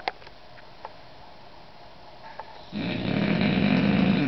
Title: english Bulldog a good nap pt1 snoring bulldog